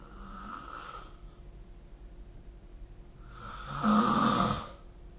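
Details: Snoring recorded with the SnoreLab app: two snoring breaths, the second louder and buzzing, against quiet room hum; ordinary sleep snoring.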